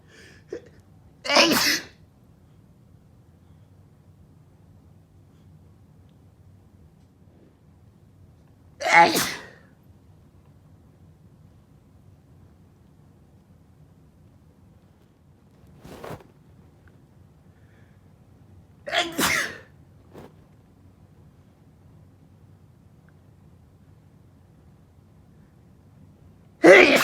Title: Chhinkni Sneezing Fit w/ nose blowing